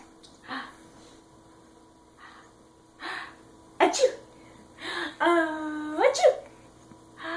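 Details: Soft breathy sounds, then a sharp sneeze-like burst followed by voiced giggling: sneezing with laughter.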